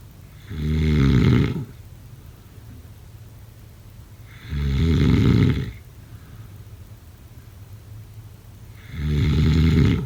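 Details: Snoring.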